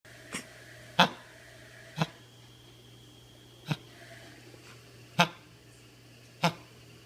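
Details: A sick dog with kennel cough, one of two affected dogs, gives six short, harsh honking coughs over about seven seconds; kennel cough.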